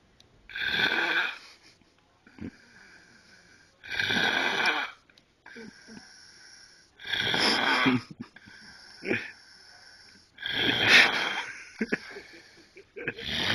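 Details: Loud, harsh, whistling snoring in sleep, about 18 snores a minute with quieter breaths between, suggesting a narrowed airway; snoring.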